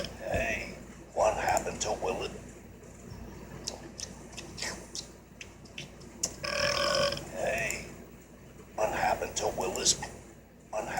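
Several loud, drawn-out throaty belches in a row, with some talk and room noise; repeated burping.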